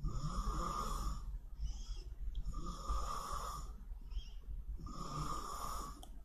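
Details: Snoring during a livestreamed snoring contest: three long, raspy snores at regular intervals, roughly every two seconds, over a steady low room hum.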